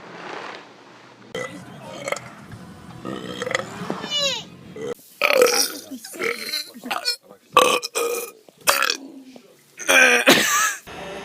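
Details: Compilation clip of repeated belching: several loud, drawn-out burps between bits of talk and laughter.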